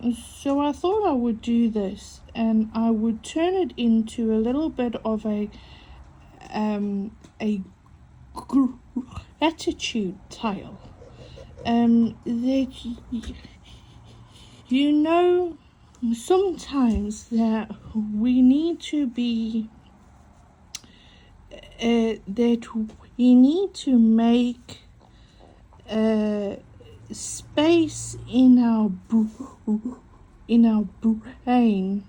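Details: Adult woman with a stutter mainly on vowel-initial and W words, coping with breathing techniques; stuttering.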